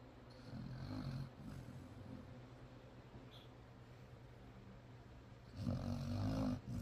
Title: When your dog is the loudest snorer in the room